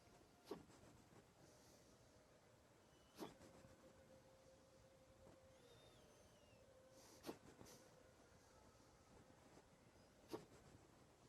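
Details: A dog's hiccups: four short, abrupt clicks about every three seconds over a steady background hum.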